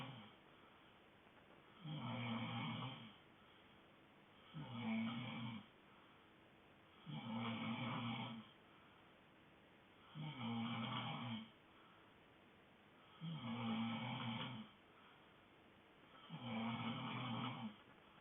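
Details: Sleeping dog snoring: steady rattling snores, six in about 18 seconds, roughly 21 breaths a minute, with quiet pauses between.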